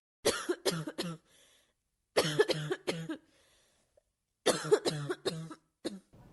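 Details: Dry hacking cough played as an example during pediatric emergency training on respiratory assessment.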